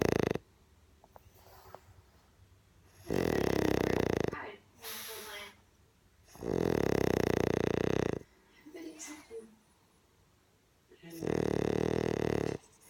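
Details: Three loud, harsh, rattling snores, each lasting over a second, about 15 a minute, with soft breathing sounds between them; snoring.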